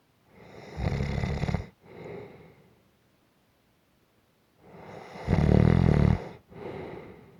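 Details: Gentle snoring: two slow breath cycles, each with a low rattling snore on the in-breath and a softer out-breath, in a quiet room.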